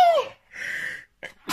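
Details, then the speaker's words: Young woman sneezing repeatedly in spring: sharp voiced burst, hissing expulsion, then a shorter second snort. "Stop sneezing! Sorry if you're wearing earphones, I'm deafening you."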